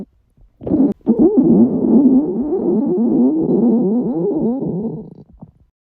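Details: Loud, long bubbling gurgle with wavering pitch lasting several seconds; stomach growling (borborygmi).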